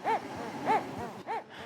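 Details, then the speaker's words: Total artificial heart (Carmat autonomous prosthesis) in a 59-year-old man, implanted nearly 11 months, powered by a ~3 kg battery bag: rhythmic whooshing pump pulses about every 0.6 s, roughly 100/min. "Celui de son cœur artificiel autonome depuis presque 11 mois. Sans cette prothèse, sans Carmat, je ne serais plus là."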